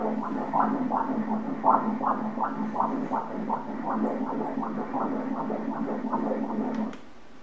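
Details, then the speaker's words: Rapid, regular whooshing pulses over a steady hum, measured at 162 beats per minute: a normal fetal heartbeat on Doppler during an obstetric ultrasound at 19 weeks, baby in cephalic position. "162 kukuna i ka minuke."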